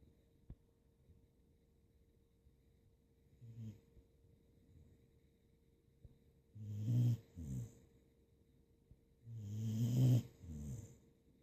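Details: Sleeping dog napping gives low rumbling snores on inhalation with a short snort after each, about three cycles in a quiet room; ordinary snoring.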